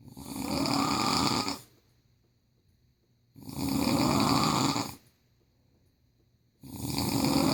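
Loud, rough snores on each breath in, about 19 a minute, with quiet pauses between: ordinary snoring.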